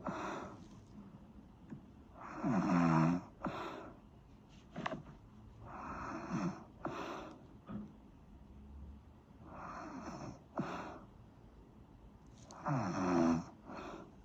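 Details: Regular rattling snores, about four in fourteen seconds (roughly 17 breaths a minute), with softer breathing between them; ordinary sleep snoring.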